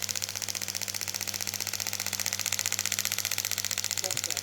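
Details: Rapid, steady clicking pulses, about three a second, with a low hum: a shockwave therapy device firing over the shoulder during chiropractic treatment for shoulder pain, intensity being turned up gradually.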